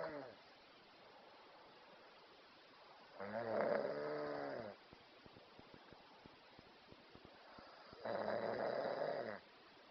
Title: Video-the snoring cow.mp4